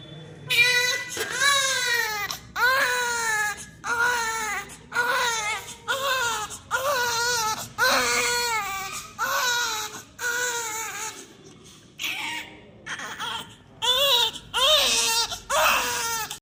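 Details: Newborn crying during nasogastric/orogastric feeding tube insertion: repeated rising-and-falling wails, about one a second, separated by brief pauses for breath.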